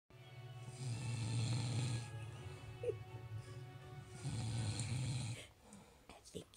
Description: My husband doesn't think he snores that loud. I caught him on camera Christmas morning "sawing a yule log"! Lol